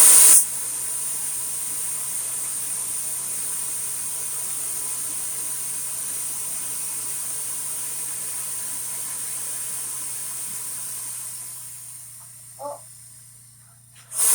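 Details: A portable oxygen cylinder being filled on its base station, which makes noise and a visible mist; afterwards the gauge shows full, in the green. Steady loud hiss of gas flow for about eleven seconds, fading near the end.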